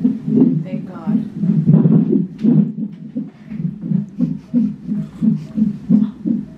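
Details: Fetal heartbeat on a labor-and-delivery monitor at 29 weeks, with the mother having abdominal tightening and pain: rapid, regular whooshing thumps at about 170 per minute, with faint room noise.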